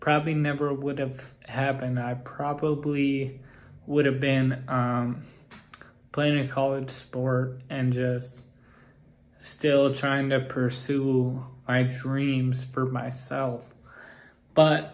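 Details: Ataxic dysarthria in a man with Friedreich's ataxia whose speech has grown progressively more impaired.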